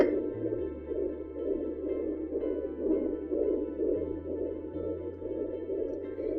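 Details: Fetal heartbeat heard with a portable home fetal Doppler monitor.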